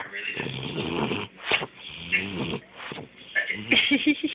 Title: Snoring Dog..hilarious